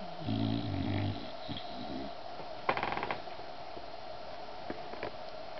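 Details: Sleeping dog snoring: a low rumbling snore-like burst followed by quieter rustling and room hum.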